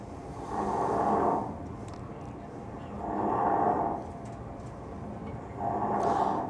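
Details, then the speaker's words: Three loud, rough, rattling snores about two seconds apart, played in a sleep medicine lecture as an example of snoring from a floppy pharynx, with collapse at the tongue base and soft palate. "So this is what you get when you have a floppy pharynx. This is what happens. This is just snoring."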